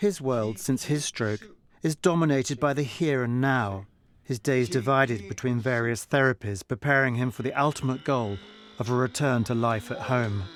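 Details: Adult male narrator; normal speech.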